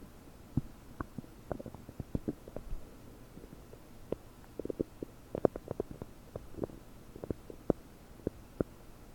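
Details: Abdomen recorded with a desktop microphone about 9 hours after first eating 30 prunes: frequent bubbly gurgles and pops, bloated; increased bowel sounds (borborygmi).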